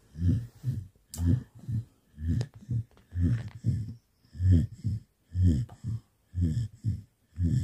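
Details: Sleeping Samoyed dog: repeated low rumbling snores in paired bursts, about 30 breath cycles a minute, in a quiet room: snoring loud enough to wake the owner.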